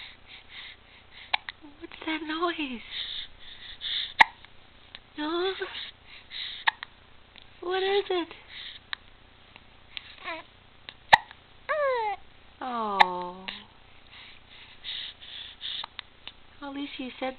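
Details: Sharp, brief hiccup clicks every few seconds between a baby's soft coos and vocal sounds; infant hiccups.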